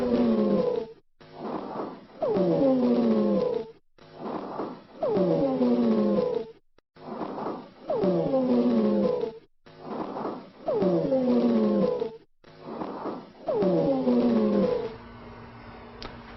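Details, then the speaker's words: Teaching example: breathing at about 22 breaths a minute, with loud musical whistling of several pitches on each longer exhalation after a quieter inhalation; high-pitched expiratory wheezing, linked to asthma and bronchoconstriction. "Wheezing are expiratory sounds. Wheezing is always evil. Wheezing is a high-pitched sound, expiratory."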